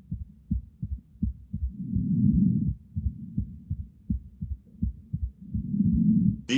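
Heart sounds with an extra early sound after the second sound, a pericardial knock; breath sounds overlap and talking starts at the end.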